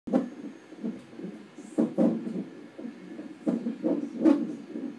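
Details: Infant hiccups: repeated short, abrupt catches of breath at an irregular pace, about eight in five seconds.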